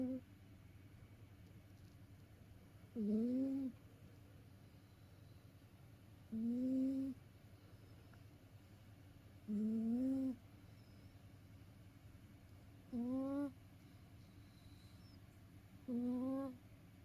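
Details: Soft rising snores about 18 a minute with quiet gaps between, from a house cat asleep after tiring itself out playing; ordinary snoring.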